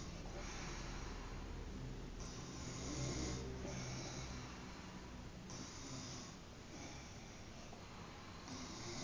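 Low, rough rattling breaths in slow cycles, each rising and fading over a few seconds; snoring during sleep.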